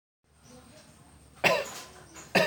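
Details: Two short, harsh cough-like bursts made by a pet bird imitating a human cough, in a quiet room.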